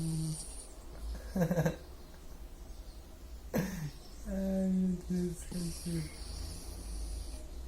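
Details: Sleeping dog, low rough droning breaths in a few separate bursts over steady room hum: snoring.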